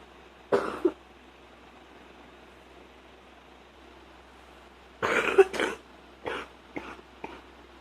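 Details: A single short cough, pause, then a cluster of four or five muffled, suppressed coughs in a quiet room: ordinary cough.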